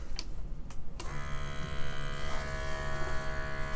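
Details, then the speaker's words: SoClean 2 CPAP sanitizer started, red light on: a few clicks, then a steady buzzing motor hum as it circulates ozone through the CPAP supplies, running about half an hour. "right now it is red and it's going to circulate that ozone through it'll take about a half hour and then it'll stop that part"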